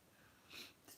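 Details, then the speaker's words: Adult with hay fever and a croaky voice gives a brief hissing nasal burst, like a stifled sneeze or sharp sniff. "I am just having a little battle with my hay fever, so I have to keep popping off to blow my nose, and I sound a bit croaky."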